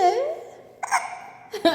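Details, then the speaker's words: Baby who got hiccups after laughing at mother's hiccups: brief vocal sounds with a couple of short, abrupt voiced catches, in a quiet room; ordinary hiccups. "아이고. 딱국질도 전염이 되니까요."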